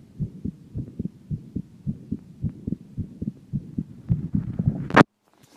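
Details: 17-year-old female, normal heart sounds: regular two-part lub-dub heartbeats at about 110 a minute, ending in a loud rubbing noise.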